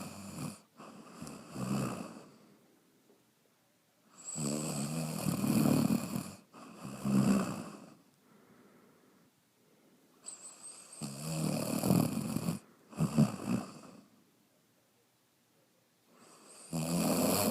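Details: Loud, rattling snores recurring with each breath, separated by quiet pauses, about four breaths in the span; snoring.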